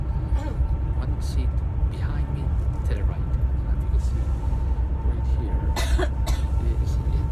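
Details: A girl coughing in a few short bursts, the clearest two close together near the end, over a steady low engine rumble; a plain cough.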